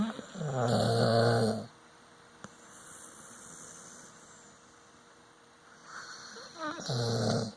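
Loud, rattling low snores on the in-breath with a quiet pause between; ordinary dog snoring.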